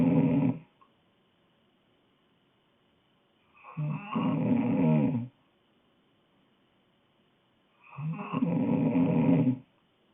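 Three rattling snores on breaths in, about 14 breaths a minute, with quiet pauses between; ordinary snoring in a sleeping child.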